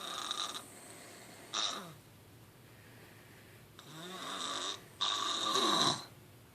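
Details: Sleeping adult snoring: loud, rattling snores on the in-breath, with quieter pauses between them.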